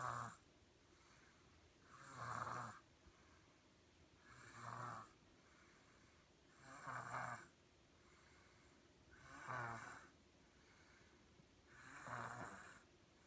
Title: Snoring in the Jumperoo